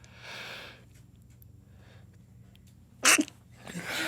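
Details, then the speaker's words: A soft breathy intake, a pause, then one sharp explosive sneeze with a quick double burst, described as a cough-sneeze, and a noisy out-breath. It comes from an adult deliberately inducing sneezing after snorting something that made his nose hot: a sneeze. "Did you hear that? I did, I saw it. It was kind of a cough-sneeze."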